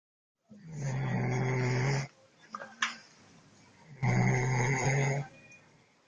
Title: Roncando